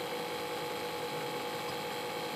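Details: Steady hum with a constant hiss of airflow from a small, lightweight portable compressor in a car, powered from the car supply, driving a high flow nasal cannula system for newborn transport, adjustable 1–4 litres per minute.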